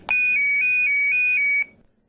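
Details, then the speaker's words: LifeCore wearable external defibrillator vest worn by a man with past quadruple bypass and stents, tested: loud high-pitched repeating electronic alarm warning of a dangerous rhythm; device shocks if lethal rhythm causes unconsciousness and instructs bystanders: do not touch patient, call ambulance. "if a lethal rhythm causes a patient to lose consciousness life core shocks the patient's heart back into rhythm and delivers instructions to those nearby do not touch patients call ambulance"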